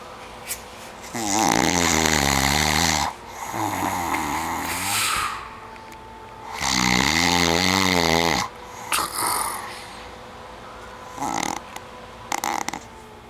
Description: watch my boyfriend snoring. this has got to be the funniest video i have of him snoring.COMMENT! LOL